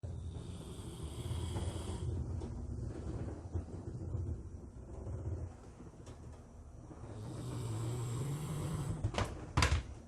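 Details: A sleeping Rottweiler, a large dog, in a deep daytime sleep, snoring louder than a human: deep, rumbling, loud snores, with a few knocks near the end.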